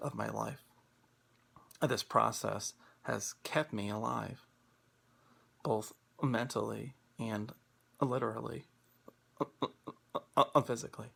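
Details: Stuttering in a man who stutters and practices Acceptance and Commitment Therapy, with pauses and blocks between words.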